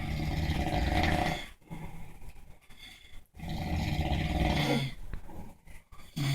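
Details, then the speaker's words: Two overweight men sound asleep: loud, deep, rumbling snores on each breath with short pauses between, in a small room, and the second man's snoring grows louder; heavy snoring. "that [ __ ] number two just got louder it's getting more aggressive he feels threatened"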